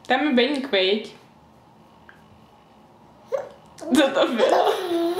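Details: Baby laughing and babbling with a few sudden catching bursts in the voice; hiccups during laughter.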